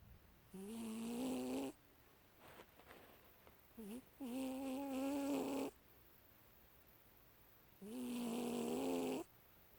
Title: my cat sleeping and snoring with his eye open